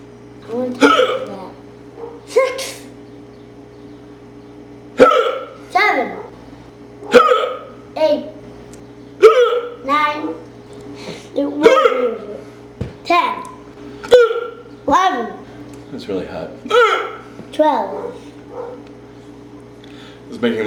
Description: Daddy gets the hiccups after eating a hot pepper.